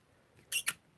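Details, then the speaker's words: Pet rat with upper respiratory infection: two quick, high-pitched squeaky, raspy breath sounds, the breathing heard before it turns into pneumonia. "But usually they will sound like this squeaky, raspy breathing before it turns into pneumonia."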